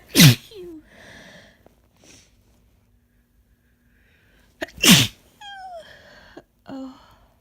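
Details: Person with a cold that is easing, voice lost, constant tickle deep in the nose, deliberately inducing sneezes: two loud, explosive, messy sneezes, each followed by brief voiced sounds and sniffs, in a quiet room.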